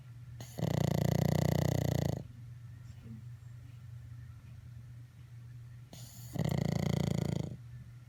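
Two long, loud, rattling snores with quiet gaps between them from a sleeping flat-faced dog; snoring.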